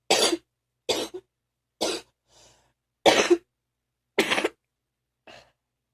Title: # 61 morning phlegmy cough...again